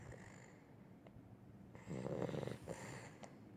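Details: Weimaraner dog snoring while asleep: a soft, low fluttering snore on one breath between quiet stretches.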